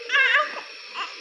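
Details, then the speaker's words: Newborn under observation in a NICU radiant warmer with suspected respiratory distress: brief strained, pained cry followed by weaker grunting, unlike a normal baby's cry; grunting cry of neonatal respiratory distress. "Sound check करिए दर्द भरी आवाज आ रही heli normal बच्चे जैसी कराई नहीं कर"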